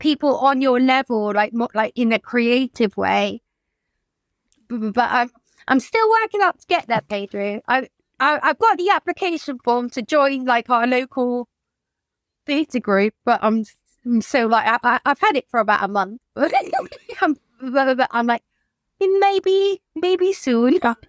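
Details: Adult woman whose childhood stammer recurred in adulthood, brought on by lockdown and the trauma of losing her mother, who also has tics, speaking in conversation with sound and word repetitions; stuttering.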